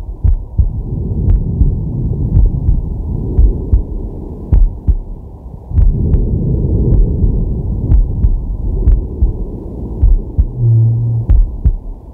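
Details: Male's heart and breath sounds recorded with a digital stethoscope on his chest while relaxing: steady low two-part heartbeat with slow, deep breaths rising and falling; normal heart sounds.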